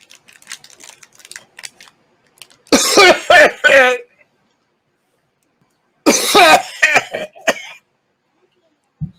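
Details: Two bursts of harsh, forceful coughing and throat clearing, each with several coughs in a row, after eating sour pickle-flavoured balls in a challenge; he then says he is throwing up.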